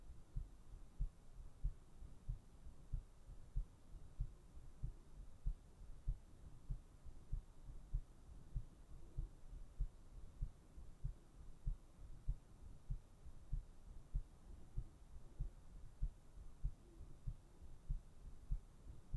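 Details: Steady, regular low thumping heartbeat at about 95 a minute over a soft hum, recorded for sleep ASMR.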